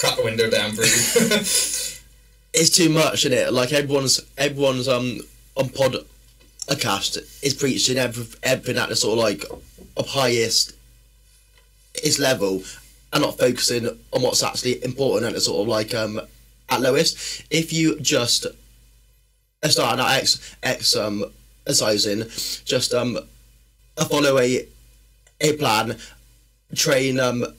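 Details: Man, a personal trainer and former army medic, with a stammer since childhood that worsens when he is tired, stressed or nervous; stuttering.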